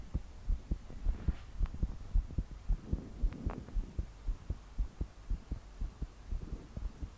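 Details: 22-year-old female trying to calm her heart to sleep, body shaking with each beat; strong, thudding pounding heartbeat about 110 per minute, slightly uneven, with soft breathing and heavy rain in background.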